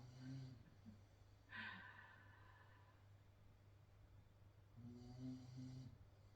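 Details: Resting dog snoring: two soft, low snoring rumbles with a brief snuffling breath between them, over a faint steady room hum.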